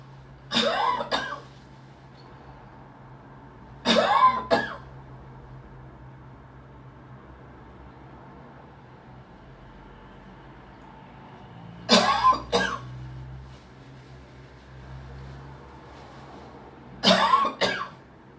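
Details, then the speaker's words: Four bouts of short, harsh coughs, two or three each, over low room hum; the person attributes the cough to lung exposure to frequencies during sleep. "That's from exposure to frequencies to the lungs."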